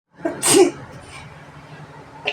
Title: Just sneezing #sneeze #allergy